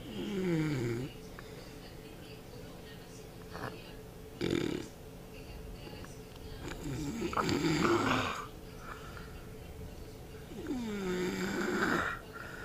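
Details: Loud, irregular snoring with rising and falling whistling and groaning tones on each breath, about 16 a minute; unusually odd snoring.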